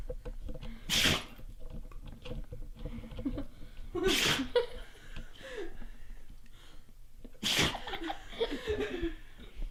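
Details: Female dog sneezing many times in a row: three sharp, explosive sneezes over about ten seconds, with snuffling between them and quiet room noise.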